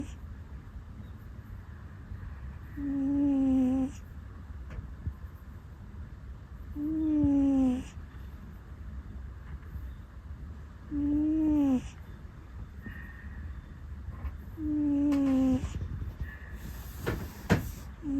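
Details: Sleeping cat (rescue cat) snoring, known for puffing sounds in sleep, on a bed: soft tonal snores with each breath out, about 15 a minute; harmless sleep noise.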